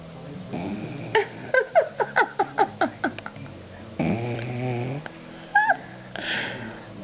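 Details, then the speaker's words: Rhythmic nasal snorts and squeaky, whistling breath noises with each breath from a sleeping pug; snoring. "funny. Your face is making noises."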